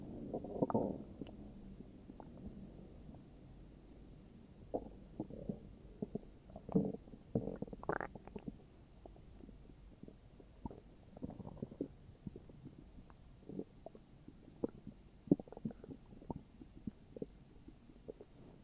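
Irregular low gurgles, squeaks and rumbles over about eighteen seconds, ordinary stomach growling from gas and fluid moving through the bowel.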